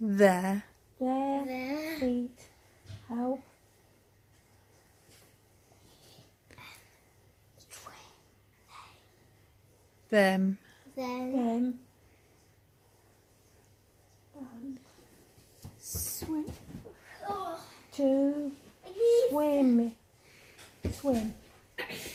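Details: Aphasia in a woman, 17 years after a stroke at age 46 affecting the brain's language centres, reading aloud with word repetitions; initially she had only three words and has since regained more language.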